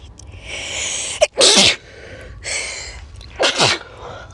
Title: Me Sneezing 🤧